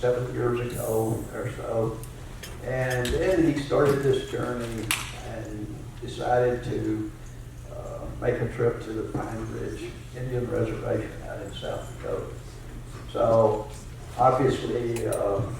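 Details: Adult man with spasmodic dysphonia, a rare neurological disorder affecting only speech with no known cause or cure, treated with periodic Botox injections; spasmodic dysphonia.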